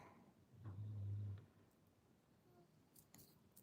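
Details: Dogs sleeping a little away from the microphone during a live stream: one low, rumbling snore, faint and distant, in a quiet indoor room.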